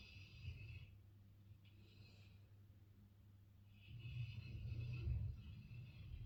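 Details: Large sleeping Dogue de Bordeaux dog snoring: low rumbling snores with a faint airy whistle, two long breaths over about six seconds.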